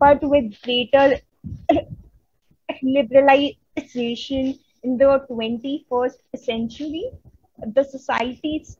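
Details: Adult woman who stutters, a member of an Indian stammering self-help association, presenting on women and stuttering at a 2022 stuttering conference; stuttering.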